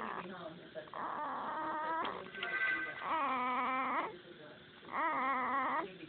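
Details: Newborn about 2 hours old: high, wavering crying calls in repeated bouts over background music; a newborn's cry rather than snoring.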